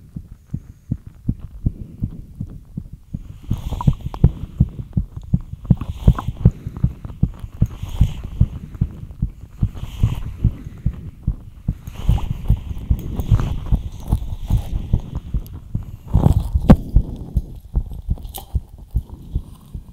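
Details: Quick, steady low thumping heartbeat after light exercise, with soft breathing in the background; rapid heartbeat after exercise.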